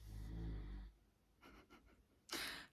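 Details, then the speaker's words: Low rumbling snore from a dog napping on the floor, followed by softer breaths and a short airy snort; snoring. "if you can hear my dog snoring he's taking a nap on the floor behind me"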